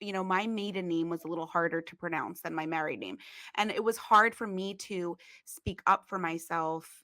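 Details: Adult woman speaking; typical speech.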